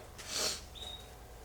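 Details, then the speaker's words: A person deliberately forcing out a single sneeze onto a disc, eyes tearing: a short hissing burst of air through nose and mouth, then a faint whistle. "and I'm going to force it out cuz I like really need to sneeze so that's my tissue my disc my eyes are like tearing oh that wasn't much"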